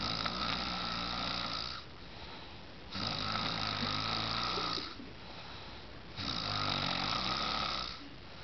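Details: Snoring: loud rattling breath sounds recurring about every three seconds, with quieter exhalations between, about 19 breaths a minute.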